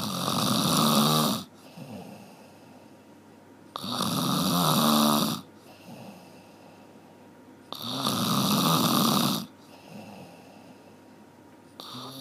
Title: 1 Hour Snoring เสียงกรน 1ชั่วโมง